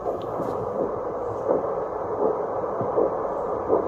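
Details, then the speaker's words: Normal pulse heard with an obstetric fetal Doppler that is demonstrated without a pregnant patient: the probe, with gel, happens to sit over the adult examiner's own blood vessel, giving a rhythmic pulse of 60–70 a minute. "지금 내 맥박이야. 이거 내 맥박. 내 맥박이 지금 이 정도야. 60에서 70 사이."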